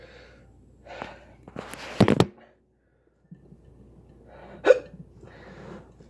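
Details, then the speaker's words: Hiccups after eating a hot lemon drop pepper with throat burn: a few sharp, abrupt catching sounds between quiet breathing. "they do you have the hiccups yeah that's it"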